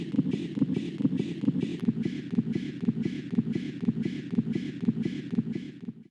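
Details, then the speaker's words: Fetal heart rate during labor contractions: rhythmic whooshing beats near 120 a minute easing slightly; early deceleration from vagal stimulation, not fetal distress, a reassuring pattern. "Early decelerations are not considered to be a sign of fetal distress, and as such are consistent with a reassuring fetal heart rate pattern."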